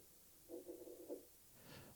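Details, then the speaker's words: Stethoscope lung sounds with a cluster of short crackling bursts, like footsteps in snow: crackles, an abnormal breath sound that may suggest lung or heart problems. "entend comme des pas dans la neige ce qu'on appelle des des crépitans ça peut nous faire penser à des problèmes pulmonaires ou cardiaques"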